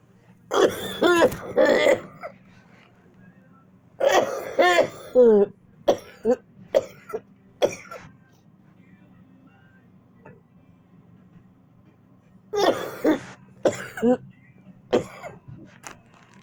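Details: Several bursts of coughing and throat clearing, some strung together, others single, separated by quiet pauses over a low room hum, with the person complaining of being itchy; cough and throat clearing.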